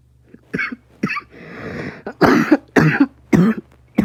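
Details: About six short, harsh adult coughs with brief pauses, quiet hum in the room.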